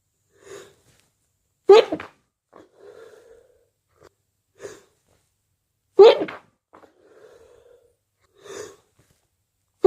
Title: stifles nose blows and strong wet sneezes